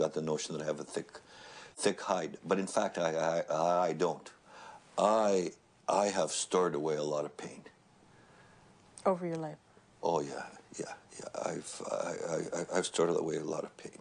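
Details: Adult man who stutters, after attending a stuttering convention, with word and part-word repetitions; stuttering.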